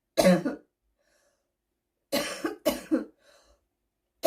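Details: Adult with a seasonal smoker's cough: several harsh, rough cough bursts.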